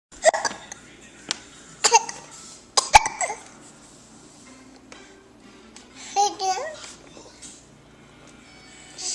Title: Casper has hiccups and really wants the camera